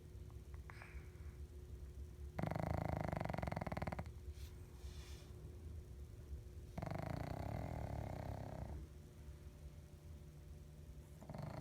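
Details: Two loud, buzzy, fluttering snores separated by quieter breathing from Piggy, a pug, sleeping under a tree in 2013; snoring.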